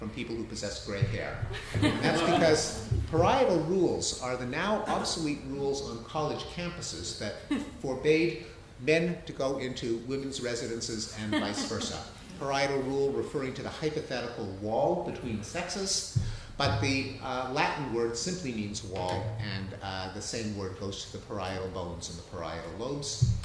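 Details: Adult male lecturer; normal speech.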